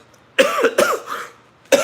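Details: Two to three short, harsh cough bursts, the second trailing off, then another starting; an adult man coughing during a live stream, described as a lingering illness.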